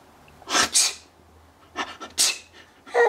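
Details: Person laughing while making fake sneezes; several short, sharp breathy bursts with quick intakes between. Simulated sneezing.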